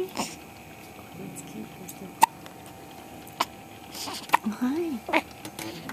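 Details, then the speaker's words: Hiccups in a 20-day-old (about 3-week-old) baby girl after a good feed: three or four short, sharp hiccups at irregular intervals with soft infant vocal sounds between. "She got the hiccups. She had a good dinner."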